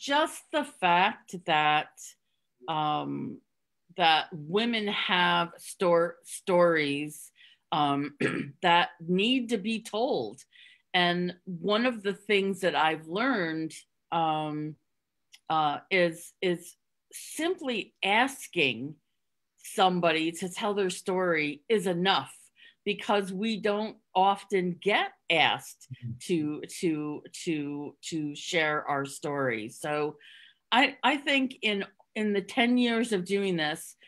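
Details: Adult woman with real stuttering, with part-word and whole-word repetitions, who hid it for close to 30 years (covert stuttering) and now stutters openly; stuttering.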